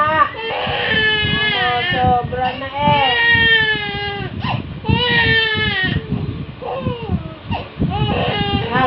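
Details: Young child crying hard: loud, wavering sobbing cries with catching breaths between bursts, continuous throughout.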